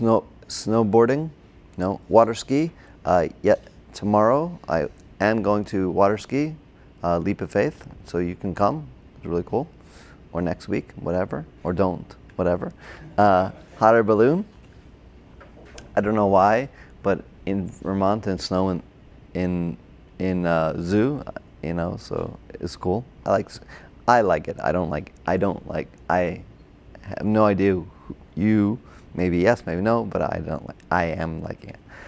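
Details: Adult man with Broca's (expressive) aphasia from a stroke during heart surgery in 2007, about 10 years earlier; hospitalized two months, then OT, PT and speech therapy; difficulty with names, numbers, reading and writing; agrammatic speech with word-finding errors.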